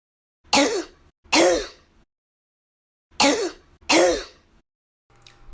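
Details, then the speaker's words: Demonstration of a laryngeal cough: two pairs of harsh, hoarse coughs; a barking cough, produced in the larynx, named for its characteristic hoarse sound. "Y cuando se produce en la laringe se llama tos laringea. Esta última se llama también tos perruna porque tiene un sonido ronco característico."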